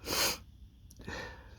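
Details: Male with dust allergy sneezing at a dusty workplace, allergies flaring today: a single loud, explosive sneeze followed by a quieter breath out.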